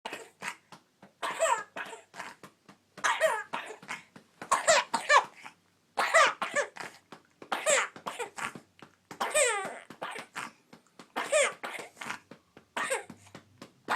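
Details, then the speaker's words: A child coughs in a rapid series of short bursts, a productive cough bringing up mucus ("snot crud") while being urged to get it out. "Just, that's all this snot crud."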